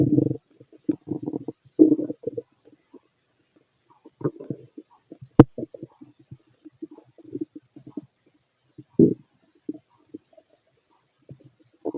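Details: Fit adult male, stomach heard through a stethoscope while digesting pastry, chicken, curry, bread, milk, eggs and pasta: irregular low gurgles and rumbles in short bursts with quiet gaps; bowel sounds.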